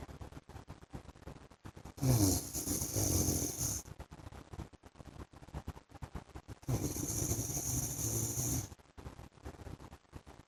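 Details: Two long, rough, rattling snores about five seconds apart, roughly 12 breaths a minute, over steady background noise from a husband asleep; snoring.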